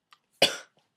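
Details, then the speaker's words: A single short, fairly high-pitched cough from an adult woman who says she was really sick and is recovering. "and I know my coughs girly but deal with it"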